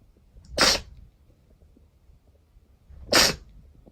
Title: sneeze 111-120